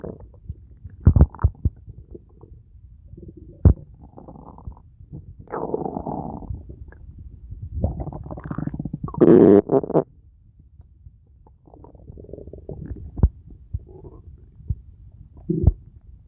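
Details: Abdominal auscultation in suspected ileus with abdominal distension: intense, prolonged bowel noises which, with pain, support mechanical ileus (intestinal obstruction); hyperactive bowel sounds (borborygmi).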